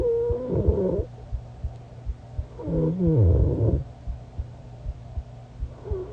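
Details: Snoring with sleep vocalization in a self-recorded sleeper: a low rumbling snore with two drawn-out, wavering voiced moans without clear words, over faint room hum.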